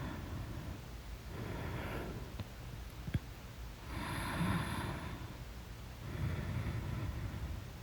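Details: Sleep breathing in a quiet room: soft, noisy breaths with faint low snoring on some, plus a couple of small clicks; snoring.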